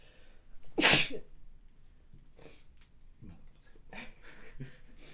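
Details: A single loud, sharp sneeze from a model near the start, followed by quiet breathing and faint rustling; an ordinary sneeze.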